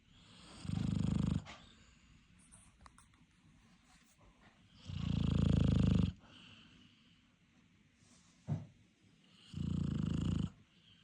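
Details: Tired dog after a long day: deep, rumbling snores roughly every four to five seconds with quiet breathing between: snoring.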